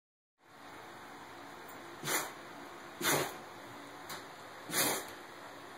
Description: She's still at it. After 15 min of sneezing.